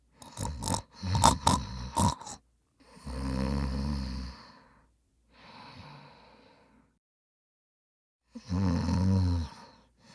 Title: Snoring Sound Effects/ Loud Snoring